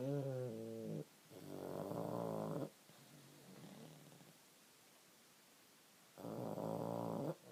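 Loud, rumbling, buzzing breaths in long bursts separated by quieter stretches, consistent with snoring.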